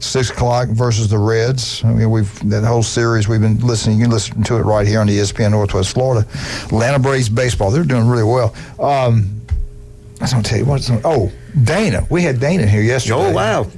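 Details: Adult male speaker, radio talk show; Normal speech.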